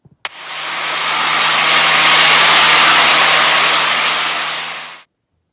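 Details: Simulation of one of ten commonly reported tinnitus sounds: a steady hissing, rushing noise with faint tones.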